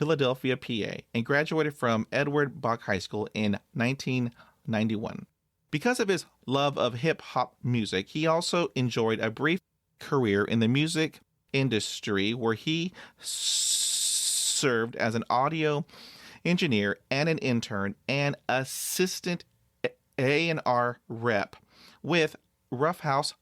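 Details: Adult male with overt stuttering who blocks on everything, then breathes and moves on; stutters even when alone, had about 20 years of speech therapy, and 'p' sounds once came out like a kiss; stuttering.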